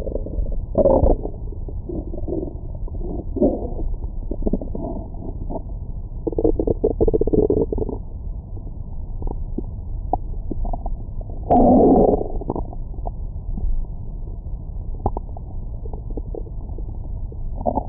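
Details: Abdomen recorded with a Stemoscope stethoscope microphone after a large meal: irregular gurgling and rumbling with occasional louder squeaky bursts; ordinary bowel sounds.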